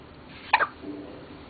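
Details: A single short, abrupt hiccup in the morning, shortly after yawning, over faint room noise.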